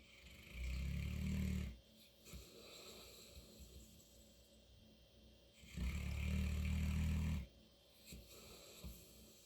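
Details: St. Bernard dog snoring in an unusual way while asleep: deep, loud rumbling snores on each inward breath, two in about nine seconds, roughly 13 breaths a minute.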